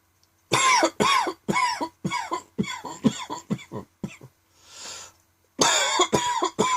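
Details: A fit of about a dozen short, dry, unproductive coughs in quick succession, a brief breath, then more; a sudden dry tickly evening cough.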